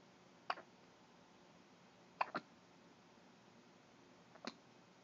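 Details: Hiccups in a 2-week-old baby: three short, sharp hiccups about two seconds apart over a faint steady background hiss.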